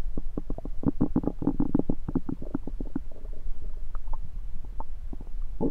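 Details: Bowel sounds recorded over own abdomen with a USB stethoscope: low gurgling and bubbling rumbles in quick clusters; ordinary stomach rumbling.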